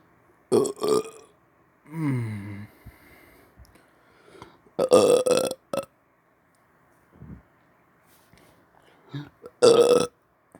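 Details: About four loud, voiced belches in a quiet room with short pauses between them; voluntary burping on command after brushing teeth.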